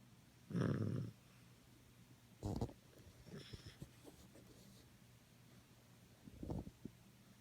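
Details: Maltese dog snoring loudly after his bath: irregular short snorting breaths with soft clicks between them in a quiet room.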